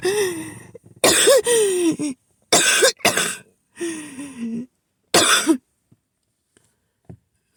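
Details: Person repeatedly woken at night by coughing, mentioning an asthma attack: a run of about six harsh, strained coughs, several with a hoarse voiced groan, in quick succession, then trailing off.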